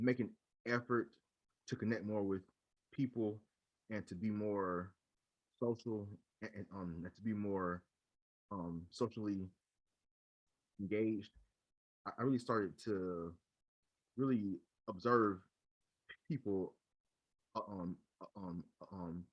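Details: Adult man who stutters and leads a local stuttering chapter, with repeated fillers and word repetitions; stuttering.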